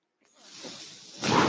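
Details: Speaker's own mechanical ventilator heard while he talks: a soft rushing hiss of air builds, then swells louder as it delivers a breath.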